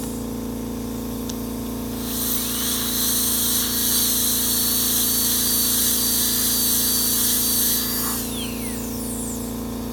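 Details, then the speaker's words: High-speed dental handpiece with a steady high-pitched whine, then winding down, over low room hum, during incisal reduction in a PFM crown preparation for tooth 1; putty index shows about 1.8 mm of the 2–2.5 mm target, so more reduction follows. "So I have almost 1.8. I will reduce it more."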